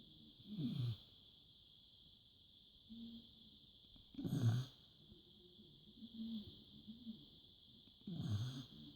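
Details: A sleeping dog snoring in low, rough bursts, about 16 to 20 a minute, over a steady hiss.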